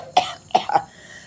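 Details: Cough from an adult woman whose voice is hoarse and has gone.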